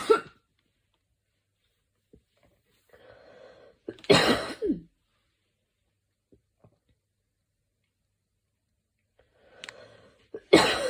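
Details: Person with an evening coughing fit, lying on their back: a few harsh cough bursts separated by quiet, wheezy breaths in a small room; a short coughing spell.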